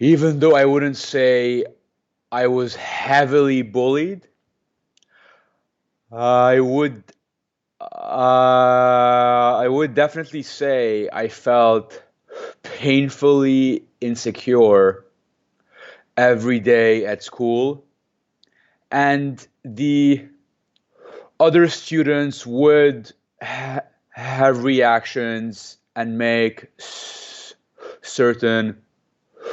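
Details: Stuttering in an adult man who has stuttered since age 2–3, speaking in a real interview; he uses a McGuire programme breathing technique to control his stutter.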